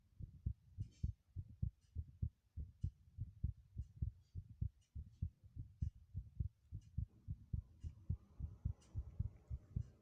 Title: the most intense heartbeat sounds video I've ever made